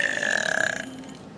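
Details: A single drawn-out, rumbling voiced burp lasting about a second, from a boy with multiple disabilities.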